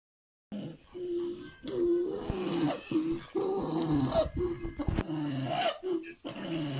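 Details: Girl having a tonic-clonic seizure, which lately end with heaving and heavy breathing: rhythmic strained groaning vocal sounds with heaving, heavy breaths.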